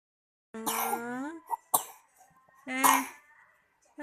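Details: Two strongly voiced, rasping cough bursts with a brief catch between them, described as coughing, though it could also be a voiced vocalization.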